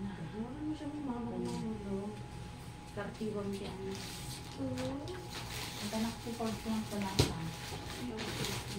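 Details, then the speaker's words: Full-term baby girl, 2.5 kg, just after a normal delivery-room birth, crying a lot: short, thin newborn cries with rising and falling wails in repeated bursts over room talk and noise. "Congrats si girl Iyak ng iyak parang sinusuntok ay 2.5 kil si baby"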